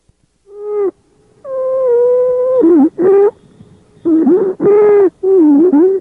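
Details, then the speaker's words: Stridor in a child with croup: loud, high-pitched musical noise of fairly constant pitch recurring with each breath, from central airway (larynx/trachea) obstruction. "stridor is a particularly loud musical sound of constant pitch listen to this example of striar in a child with"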